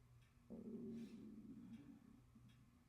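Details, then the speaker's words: Low, drawn-out gurgling rumble from an adult's stomach in a quiet room, which the speaker apologizes for as stomach growling: borborygmi. "Sorry if you can hear my stomach growling. Oh my gosh. Oh my gosh, what an embarrassment. My stomach is rumbling."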